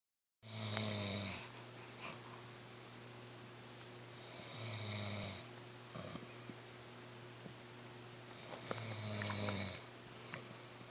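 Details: Snoring: loud rattling snores on each in-breath, about every four seconds, with quiet out-breaths between; ordinary snoring.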